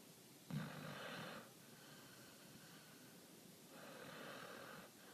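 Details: Soft, snuffly snores from a dog sleeping soundly, eyes rolling and twitching, two breaths heard over steady room hiss; snoring.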